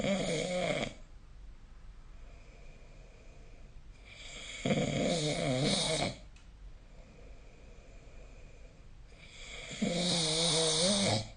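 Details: Loud, rattling snores on each in-breath, about 12 a minute, with quiet pauses between them, recorded with the SnoreLab app: habitual snoring.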